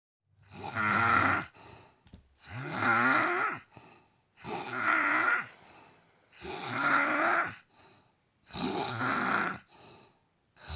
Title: Snoring Mom after an exhausting day